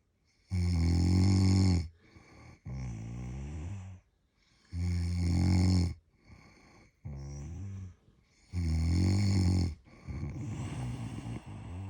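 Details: Snoring while on holiday in London: loud, regular rumbling snores on each in-breath, about 15 breaths a minute, with a softer noisy out-breath between them.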